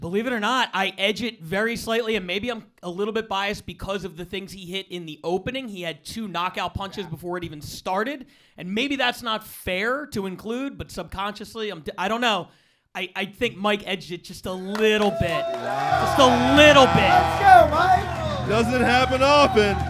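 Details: Adult man speaking to an audience; ordinary speech.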